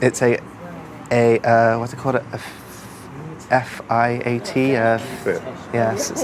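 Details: Adult man with a severe stammer since early childhood, recorded while attending a four-day intensive stuttering therapy course; severe stuttering.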